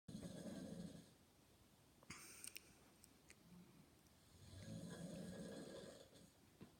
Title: I caught my grandpa snoring :) lol